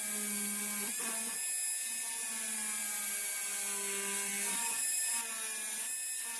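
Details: High-speed dental handpiece, steady whine dipping in pitch as it bites, doing mesial and distal reduction of a mandibular first molar (#36) on a typodont model for a full veneer crown, after deepening the occlusal groove.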